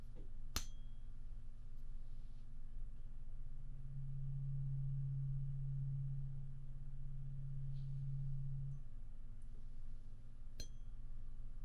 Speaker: Close your eyes. Tell me when the noise stops. Okay. And tell me which ear you hear it.